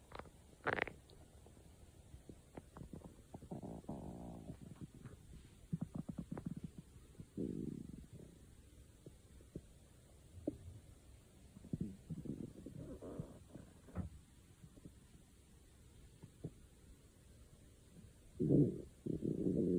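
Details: Stomach growling (borborygmi): low gurgling rumbles and squeaks that come and go over a quiet background, typical normal bowel sounds.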